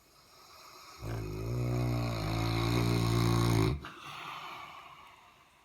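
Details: Saint Bernard dog, a habitually massive snorer: a single long, loud, deep rumbling snore rising and holding nearly three seconds before stopping abruptly, then quiet breathing; snoring.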